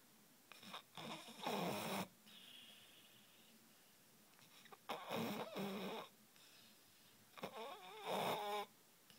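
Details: Dog snoring: three loud rattling snores about three seconds apart, with quieter whistling breaths between them.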